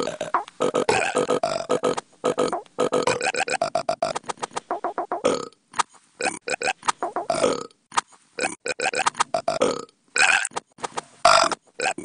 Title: Burps Burps And Burps